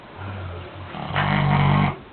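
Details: Pig snoring: a low, loud grunting snort rising into a deeper rumbling breath.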